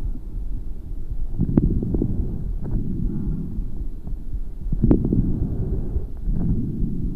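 Low, rumbling breath sounds with brief popping clicks at the start of each breath in, coarse early inspiratory crackles.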